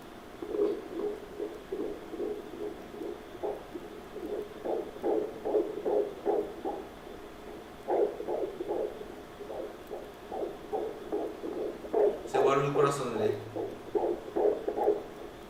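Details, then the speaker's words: Fetal heartbeat on Doppler ultrasound at the ductus venosus at 13 weeks 3 days of pregnancy: rapid, regular whooshing pulses at 151 beats per minute. "Heart rate is... one hundred and fifty-one beats per minute, 151."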